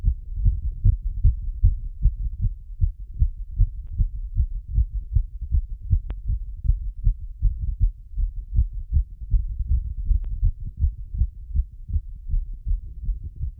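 Loud, rapid heart thumps at roughly 150 beats a minute through a stethoscope after exercise, a normal post-exertion fast heartbeat.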